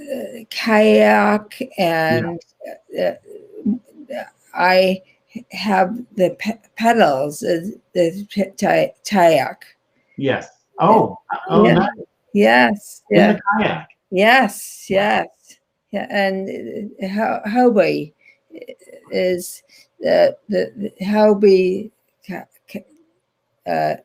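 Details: Woman with aphasia after a stroke in 2010, in ongoing rehabilitation therapy; aphasia.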